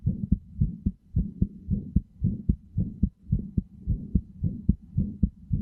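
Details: Steady, even lub-dub heartbeat with soft thuds at about 110 beats a minute, looped continuously; heartbeat sounds for sleep, best heard with headphones.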